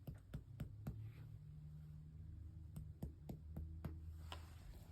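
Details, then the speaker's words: Simulated head-to-toe student nurse exam: repeated sharp hollow taps with low ringing quality while percussing 12 lung spots, resonance heard, normal air-filled lung, before auscultation with stethoscope diaphragm. "All right. Heard resonance when I was percussing."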